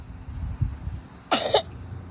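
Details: Feigned cough: a single short, forced cough from a young boy putting on a sick act so he can skip school.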